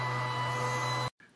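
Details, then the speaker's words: Homemade CPAP built from Ambu bag valves and a 120-volt air pump motor, run at about one-third speed by a voltage controller with 10 PEEP set, holding 10–12 through the breathing cycle: steady loud motor hum and whine, then cutoff. "motor is now turned on and it remains at 10 to 12 throughout the respiratory cycle the voltage controller has the motor running at about a third speed it's 120 volt motor"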